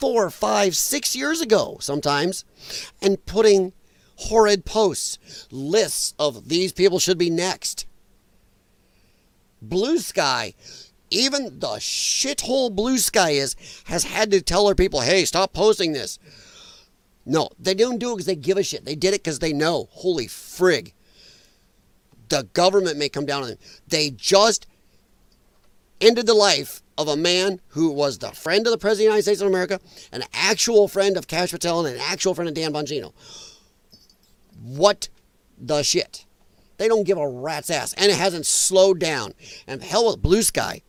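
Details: Male with dysphonia from vocal cord damage caused by infections related to his lung problem; he describes it as a disability. Finding: dysphonia.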